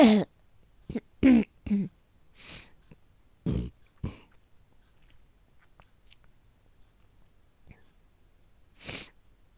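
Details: Persistent cough from asthma, by a woman: bursts of harsh, repeated coughs in a quiet room, about six or seven in total.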